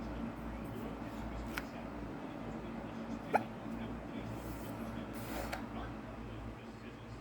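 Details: Hiccups: about three sudden, muffled hiccup jolts a couple of seconds apart over steady background noise.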